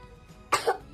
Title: mengajar akting malah batuk 😅 #anakpintar #lucu #anak #bocil #artist